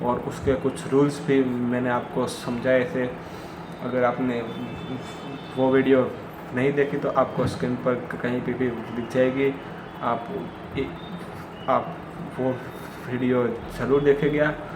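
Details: Hindi-speaking adult man who stammers, with difficulty on words starting with sounds like 'd' and 'pr', practising daily; stuttering.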